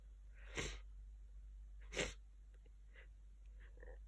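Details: Hay fever sneezing: two sharp sneezes, then softer stifled sneezes and sniffs.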